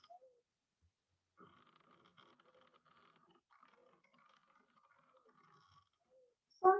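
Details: Wheezing heard on auscultation of a patient with respiratory failure being assessed for high-flow oxygen therapy.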